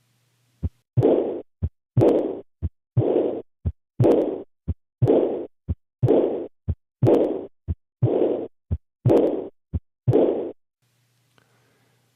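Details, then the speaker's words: Aortic regurgitation: a soft blowing diastolic murmur following the second sound, caused by backward flow from the aorta into the left ventricle, with a regular heartbeat near 60 a minute. "the turbulent flow here is occurring during diast when there is a pressure gradient between the aorta in green and the left ventricle in blue"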